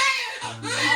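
High, wavering wail of a newborn with a steady pitch and strong voice, an ordinary healthy cry, with room noise behind.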